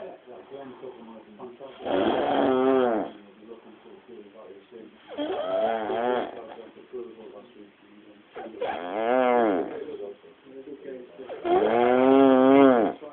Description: how the fuck are you meant to sleep near this!?